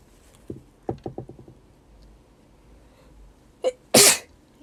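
Quick catching breaths build up, then one sharp, bursting sneeze: an ordinary sneeze.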